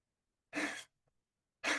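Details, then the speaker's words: A cat snoring audibly in the room during a meditation talk, heard clearly and making listeners laugh; snoring. "So our cat is snoring here. So we can hear it. It's making us laugh."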